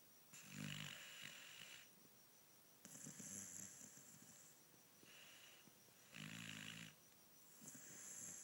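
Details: Sleeping dog snoring again: slow, regular breathing with a low rattling snore on some inward breaths and soft hissing outward breaths; snoring.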